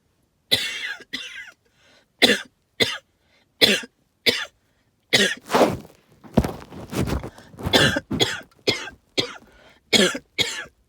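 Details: Lots of wheezing with hacking cough, linked to tree pollen and mold spores: about fourteen harsh, dry hacking coughs, mostly in pairs, with a noisy, wheezy breath drawn midway.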